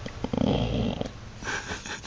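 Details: Sleeping dog snoring like an old man: a brief, rough, fluttering snore followed by a softer wheezy breath.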